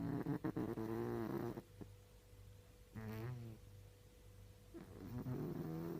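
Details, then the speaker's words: Cat snoring while sleeping: rough, fluttering, buzzing breath sounds in repeated cycles. "Cosa stai facendo? Stai russando?"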